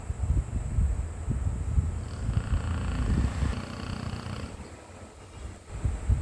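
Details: Sleeping pitbull dog snoring: a low, rattling rumble rises through a long breath, eases off, then starts again.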